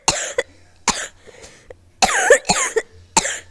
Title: complains about Sonic Adventure 2 logic as he coughs to death